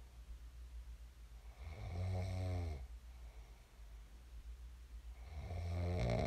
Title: [코 고는 소리 ASMR] 잘 골고 일어났습니다. I snored well and woke up.